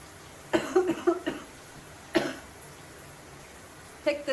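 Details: Several short dry cough bursts in a hissy bathroom from a young woman after inhaling smoke, who says it hurts; plain irritant cough.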